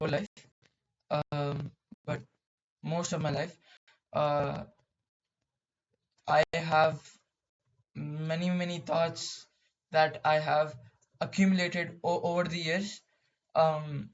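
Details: Stuttering in a male speaker who describes his own stammering.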